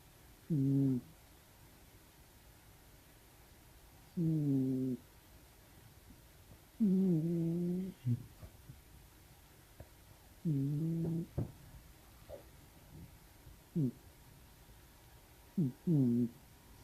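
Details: Sleeping white cat snoring in soft, rhythmic breaths, with a low rumble on each inhalation.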